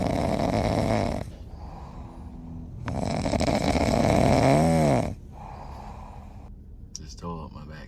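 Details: French bulldog asleep, tired after tearing up a car's back seat: loud, rough snoring bursts with quieter gaps between them.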